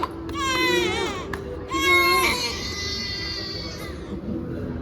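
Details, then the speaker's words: Infant girl crying in pain during ear piercing: loud, high, strained wails with a catch and pause between bursts. She was already crying slightly before the piercing and briefly caught her breath. "ಎತ್ಕೊಳ್ಳಿ ನೋಡಿದ್ರಲ್ಲ ಅವಳು already ಸ್ವಲ್ಪ ಅಳ್ತಾ ಇದ್ಲು ಅದರ ಜೊತೆಗೆ ಚುಚ್ಚಿದ್ರ ಅವಳಿಗೆ full ಸಿಟ್ಟು ಬಂದ್ಬಿಡ್ತು ಅಂದ್ರೆ ನೋವು ಆಗುತ್ತೆ ಅಲ್ವಾ"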